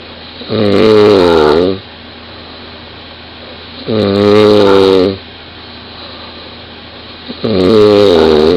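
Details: 20-year-old woman snoring very loudly in bed, recorded by her boyfriend lying next to her: three loud, rough, buzzing snores about 3.5 seconds apart, roughly 17 a minute, each over a second long, with quiet breathing between; loud snoring.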